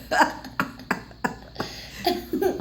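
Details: A girl burping after drinking: a string of short, low, throaty bursts in a row, then a little voice at the end.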